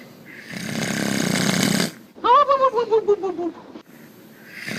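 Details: Snoring, described as frequent: harsh, rattling breath noise, then a pulsed, falling snort-like vocal sound.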